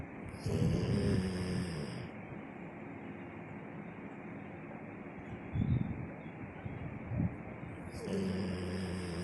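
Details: Sleeping dog snoring loudly while lying on its owner's chest: loud, low rattling breaths with brief snorts between them and faint high tones at start and end.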